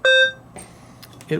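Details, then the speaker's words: Maquet Servo-U ventilator in PRVC/AC mode, static measurements maneuver: single clear electronic beep when the inspiratory hold button is held, giving a plateau pressure of 24, over faint room noise. "there are two buttons you can press and hold to get a plateau and a total peep if I hold the inspiratory button in until it beeps"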